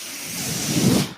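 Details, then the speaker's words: Mechanical ventilator airflow heard in the background while its user speaks, recording a podcast. "Hello, everyone. That noise you're hearing is my ventilator."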